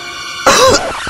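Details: Bodrex Flu dan Batuk advertisement: a single short, forceful acted cough from an adult over steady background music; simulated cough.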